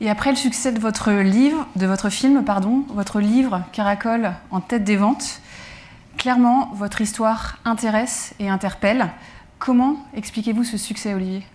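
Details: Adult woman speaking French; normal speech.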